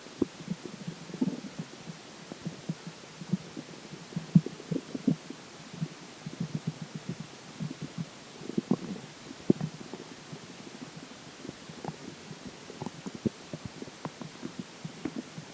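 Irregular low gurgles and bubbling clicks over quiet background; ordinary bowel sounds of stomach gurgling after drinking water.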